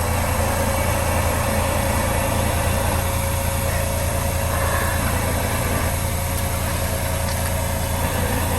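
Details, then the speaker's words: Cough assist machine with inline suction running during a child's night-time airway clearance routine in bed after shaky vest; three cycles, press green button, advance inline to double green, suction; steady loud mechanical whoosh and motor noise. "Press the green button, advance the Inline, hold the suction."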